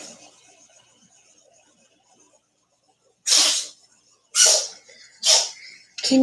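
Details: Household cats with a cold (feline upper respiratory infection), on medication, with a vet advising it must run its course. Four sharp, hissy sneezes in quick succession after a quiet stretch.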